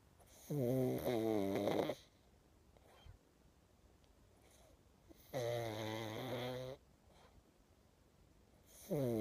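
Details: Pug dog snoring while sleeping and dreaming: loud, drawn-out rattling snores with a whistling, buzzing tone, about two seconds each, separated by quiet pauses.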